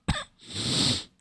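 An adult gives one sharp cough, followed by a longer, rough, breathy exhalation through the throat.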